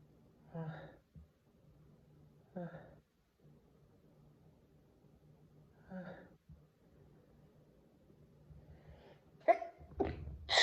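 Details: A series of sneezes ranging from stifled to half-stifled to unstifled: the first ones are muffled and held back, the last ones louder and more open.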